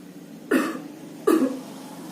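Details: Cough etiquette demonstration: two single, short, dry cough bursts about a second apart, with faint room noise between them.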